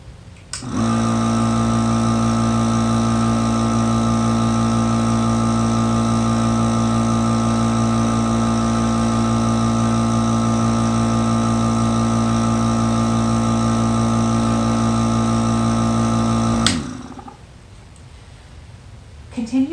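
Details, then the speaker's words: Breath-actuated nebulizer compressor switched on to start a medication treatment: steady loud buzzing hum running about 16 seconds, then switching off. "now you're ready to take your treatment turning your nebulizer on and place your lips tightly around the mouthpiece of a nebulizer making sure not to block this exhalation valve"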